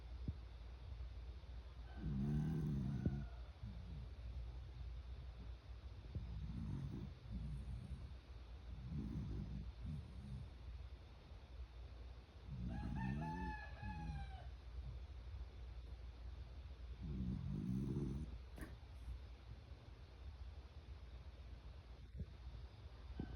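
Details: Low rumbling snores every 4 to 5 seconds, some with a whistling nasal tone, over a low hum, from a sleeping Chiweenie dog recorded at 6:15 am; snoring.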